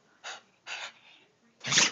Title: My dog cant stop sneezing lol funny shit